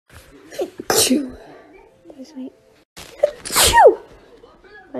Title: sneezing compilation 1